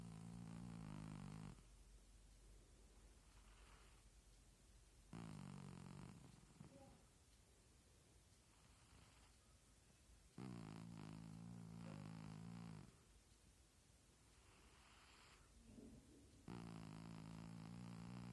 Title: Cat's snoring sounds like farts